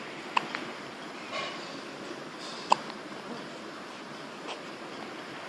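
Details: Hiccups: two sharp, brief hiccup sounds about two seconds apart, with faint smaller clicks, in a quiet room.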